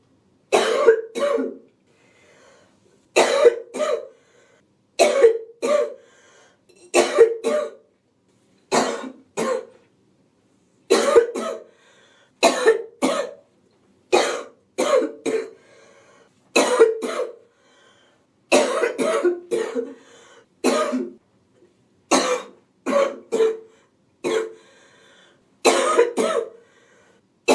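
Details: A woman sick with a cold gives a relentless wheezy, hacking cough: repeated harsh coughs in short clusters with a tight, wheezy edge.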